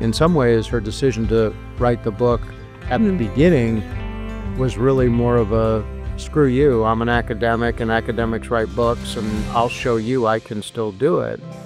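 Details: Adult male speaker; Normal fluent speech.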